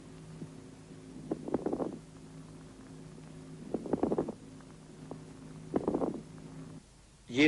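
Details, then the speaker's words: Chest auscultation over the lungs with fluid secretion in the airways: three breaths with bubbling, crackling bursts; moist rales (coarse crackles). "при скоплении в рамках жидкого секрета над легкими можно выслушать влажные хрипы"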